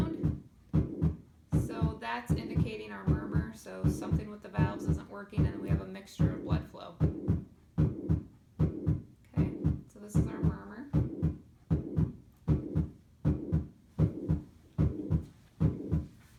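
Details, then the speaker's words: Simulated on SAMII manikin: regular lub-dub at about 77 per minute with a squishing, whooshing sound layered on top: heart murmur. "this is our murmur um so for this you hear the love dub love dub love dub love dub but on top of it you hear this squishing"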